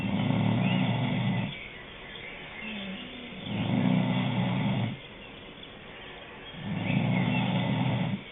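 Loud, rough, rattling snores on each breath in, about three in eight seconds, with quieter gaps between them; typical heavy snoring.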